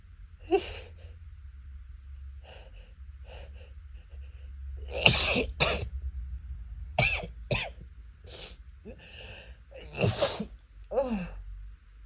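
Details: Adult with a cat allergy at a friend's house, first trying to stifle the sneezes: several sharp sneezes in quick succession, each with a brief indrawn breath, over a low steady hum; an allergic sneezing bout.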